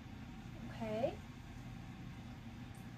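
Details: A brief gurgling, bubbling sound over a quiet, low background hum, with another starting at the end, heard by a student nurse auscultating the abdomen during a four-quadrant assessment: normal bowel sounds.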